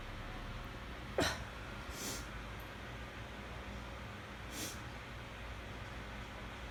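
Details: Sneezing fit while trying to sleep, on a cleaning day with a weather change, cause uncertain: one sharp sneeze burst followed by two softer puffs in a quiet, hissy room.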